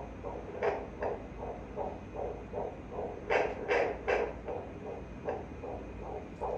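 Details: Prenatal check-up at 5 months of pregnancy: rapid, regular whooshing pulses over a steady hiss at about 150 a minute; a normal fetal heartbeat picked up by Doppler.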